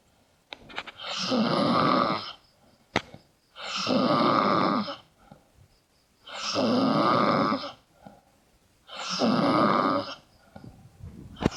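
Loud, rough snores on each breath in, about four in eleven seconds, roughly 20 breaths a minute, with quiet pauses between.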